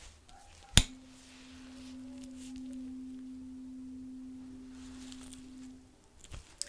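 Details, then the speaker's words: Simulated ASMR cranial nerve exam, Rinne-style hearing test: a tuning fork is struck and placed on the mastoid bone behind the ear, giving a sharp strike and then a steady pure hum that fades over about five seconds. "so i'm gonna go ahead and create a vibration sound i'll put it behind your ear on your mastered bone please tell me when you don't hear the sound anymore"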